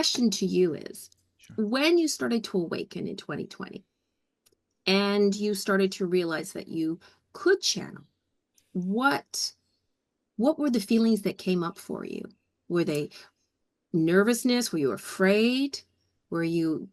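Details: Adult speaker; normal conversational speech.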